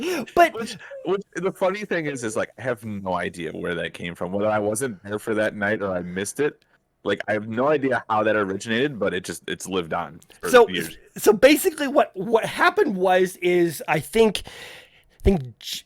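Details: Adult man speaking; conversational speech with occasional word repetitions.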